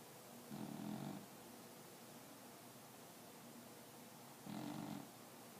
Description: Our cat is snoring from time to time....